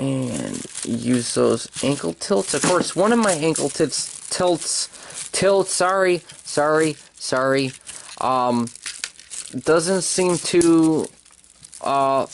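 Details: Speaker with a speech impediment present since childhood; words sometimes come out differently from what he hears himself say; speech impediment.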